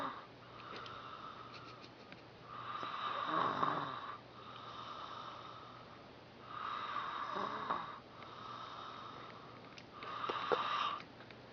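Regular whistling, rasping snores with each breath, about four cycles in eleven seconds, in a quiet room; snoring.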